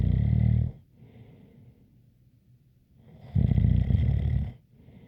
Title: Snoring Sounds ZZzzz with a light whistle